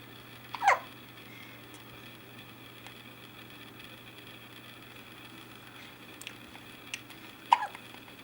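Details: Ryland having hiccups: two short, sharp hiccup bursts about seven seconds apart over a steady background hum, faint small sounds between.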